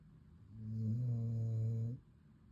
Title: Snuggle Time: My Dog’s Adorable Leg Lean & Pro-Level Snoring! 🐾💤